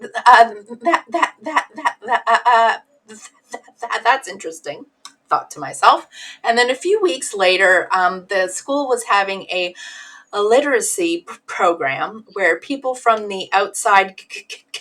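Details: Stuttering in an adult woman whose stutter was assessed as severe when she was a teenager.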